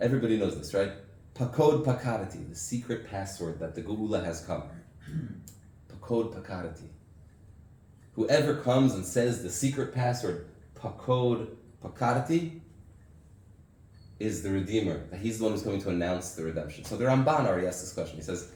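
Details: Adult man speaking; normal speech.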